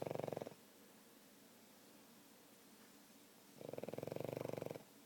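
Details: Pug dog asleep, with a rhythmic rattling, fluttering snore on each breath and a quiet pause between breaths: snoring from a flat-faced dog's airway.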